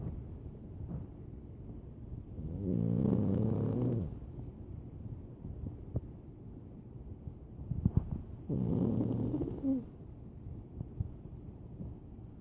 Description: Pug fast asleep snoring loudly